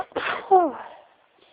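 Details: Sneezing into tissues: a single short sneeze with a sharp in-breath, then a voiced, falling 'choo' burst that fades quickly.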